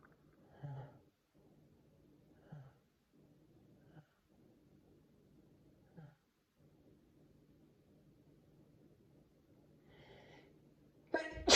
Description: Some sneezes: Stifles, half stifles, not stifled.